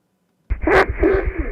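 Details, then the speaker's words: Stridor from upper airway obstruction (nasal or laryngeal), audible without a stethoscope: a loud, harsh roaring like very loud snoring, with a rough, pulsing, partly tonal quality. "striders are like a a very loud snoring or roaring and that's due to upper away obstruction inevitably whether it is nasal or a or lingo the sound is quite loud and like this"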